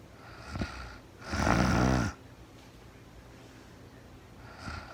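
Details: One loud, rough, rattling snore under a second long with fainter breathing before and after, from a woman sleeping in real time; snoring.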